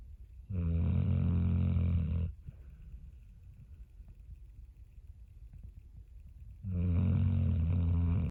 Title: Joey the Pitbull snoring ***volume on***